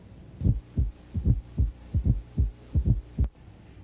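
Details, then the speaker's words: Teaching recording of a fourth heart sound (S4 gallop), heard best at the mitral area, "Tennessee" rhythm: regular low heart sounds about 74 a minute with a soft extra sound just before S1. "when the extra sound occurs at the end of the diastolic filling just prior to S1 sound it is called the fourth sound S4 it sounds like Tennessee the first sound is S4 followed by S1 and"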